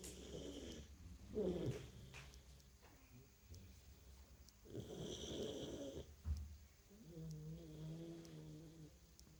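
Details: Female dog, tired after a hard day, sound asleep: repeated rough, low snoring breaths, some with whistling, squeaky tones. Snoring.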